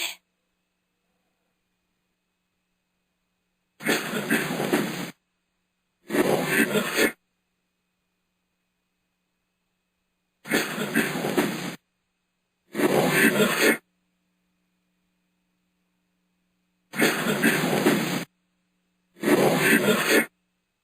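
A single adult cough heard three times, each followed by the same cough played backwards, with silence between.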